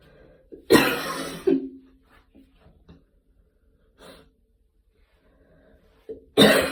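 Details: Two strong, harsh cough bursts separated by quiet breathing and a softer catch; an adult coughing after a gym workout.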